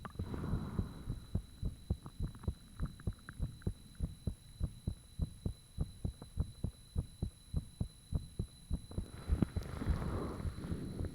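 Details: Self-recorded heart sounds with fan off after heart suddenly became very thumpy: steady, strong thumping heartbeat about 100 beats a minute over faint hum, valve sounds and blood-rushing noises audible, brief rustling at start and end.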